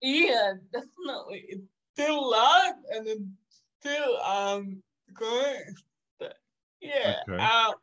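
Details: 27-year-old woman with cerebral palsy caused by severe neonatal jaundice; doctors predicted in childhood she would never walk or talk; she says it makes her sometimes speak and move differently; dysarthria (cerebral palsy).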